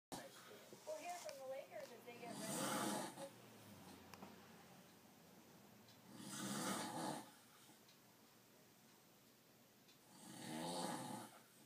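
Three loud, rough snores about four seconds apart, roughly 15 a minute, with quiet pauses between and faint room noise.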